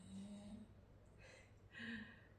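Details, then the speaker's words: Dog (Arya) snoring quietly: two faint, low, buzzy breaths about two seconds apart with a soft breathy hiss between; snoring. "i don't know if you can hear that but arya is snoring she often does that even with her eyes open sometimes she's very talented"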